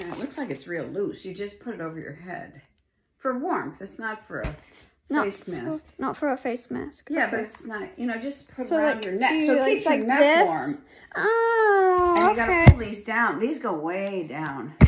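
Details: Adult speakers in conversation; typical speech.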